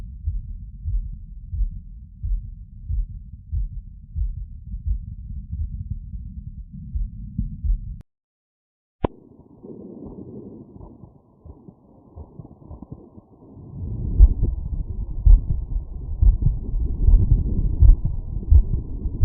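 Deep, regular heartbeats at about 87 a minute, heard through a stethoscope over the aortic area after physical exertion. This is a normal heart beating somewhat faster after effort. A brief silence and some rubbing and handling noise break up the recording.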